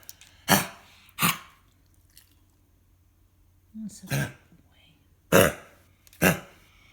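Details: Cough from a dog named Coco, apparently prompted on cue by owner.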